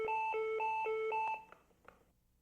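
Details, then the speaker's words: LIFEPAK 12 defibrillator/monitor in manual pacing mode: repeating two-note electronic alarm reminding to increase current, sounding when pacing current is still zero 20 seconds after disconnected pacing cable or therapy electrodes are reconnected. "if current is not increased within 20 seconds the alarm repeats reminding you to increase current"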